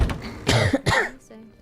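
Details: Girl coughing: two quick, moderately harsh coughs in succession, with faint room noise.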